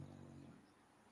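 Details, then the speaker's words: A sleeping Jack Russell terrier snores in the background: a faint, low buzzing snore that fades within about half a second, ordinary snoring during sleep. "I don't know if y'all can hear my dog snoring in the background, but this this little [ __ ] knocked out, bro. This this the little Jack Russell. He like snoring."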